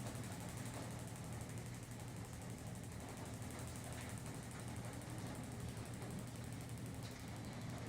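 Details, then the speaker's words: Gymna Shockmaster 300 with a 15 mm convex head, about 2–2.5 bar at 12 Hz, with gel, moved over the tibial tubercle of a mature knee (growth plates closed) with Osgood-Schlatter: steady rapid mechanical tapping at about 12 pulses/second. "as you can see here the therapist is moving the shock wave around the muscle slaughters areas which are much more painful than others"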